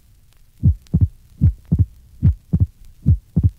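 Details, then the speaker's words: Patient with atrial septal defect, murmur removed: regular heartbeat about 74/min with an abnormally wide, relatively fixed split second heart sound throughout respiration. "listen to a patient with an atrial septal defect you'll note that splitting of the second hard sound is abnormally wide and relatively fixed the murmur has been removed C figure 28."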